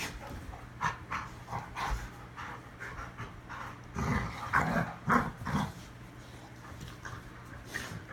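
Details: Rapid, shallow, irregular breathing at about 150 per minute with a few louder huffs in the middle, from dogs rough-housing and play-sneezing; dog panting.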